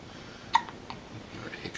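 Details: A baby with hiccups: a few short, abrupt catching sounds in a quiet room.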